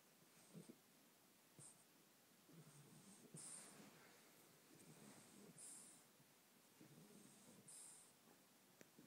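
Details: A sleeping dog named Oliver snores in a steady rhythm, with rough rattling breaths and brief high whistling snorts at about 26 breaths a minute; snoring.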